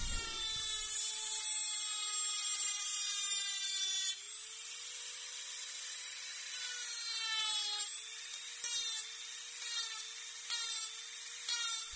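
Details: Simulated dental cleaning in a soft-spoken binaural roleplay, removing dirt between the front teeth: high, steady whine of a dental drill, rising and dipping slightly in pitch, with short breaks.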